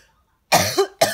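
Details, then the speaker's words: Adult woman's persistent cough lasting a couple of months after a cold, despite antibiotics from her doctor and nothing found wrong; two short, fairly harsh coughs. "even though I sound like I'm sick cuz I'm coughing it's I don't know why I just can't stop the cough won't go away I had a cold and now the cough won't go away"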